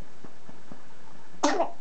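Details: A 4-day-old newborn with hiccups after feeding gives a single quick, high-pitched sneeze after a few faint soft sounds in a quiet room.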